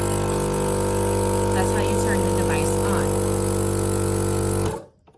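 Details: Home care suction machine running: steady loud motor hum and drone, stopping abruptly near the end as it is switched off; portable suction machine.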